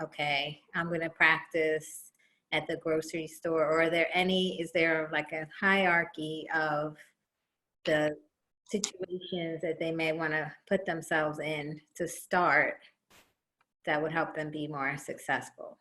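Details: Adult woman speaking; typical speech.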